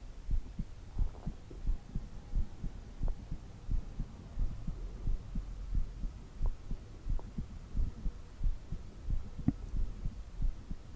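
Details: Steady, regular low thumping heartbeat at about 88 beats a minute over a soft background hum; normal heartbeat.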